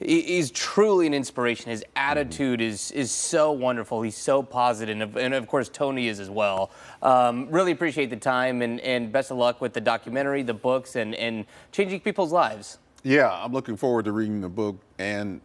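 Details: Adult man, news host; Typical adult speech.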